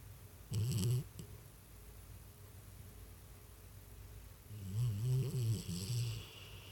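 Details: Snoring during sleep with twitching: two low, rumbling snore breaths a few seconds apart, with quiet room noise between them.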